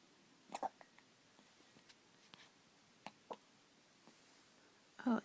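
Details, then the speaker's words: A baby, who also sneezes, makes soft, short, abrupt catches of breath repeated a few times in a quiet room: infant hiccups. "Poor hiccuping baby."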